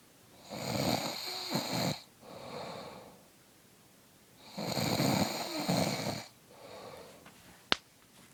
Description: My buddy has a mad case of the snores.